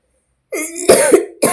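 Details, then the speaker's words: Adult woman with a cold and a badly sore throat: after a moment of silence, a short run of harsh, throaty, slightly wet coughs in quick succession; cough. "आज साफ आवाज नहीं निकलेगा friends क्योंकि गला बहुत खराब हो चुका है। कैसे खराब हो चुका है? खांसी आती है"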